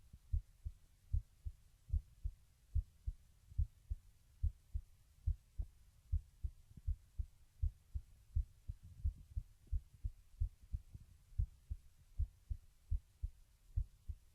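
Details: Heartbeat recorded with a webcam microphone while lying down; steady, regular paired low thumps at about 72 beats a minute.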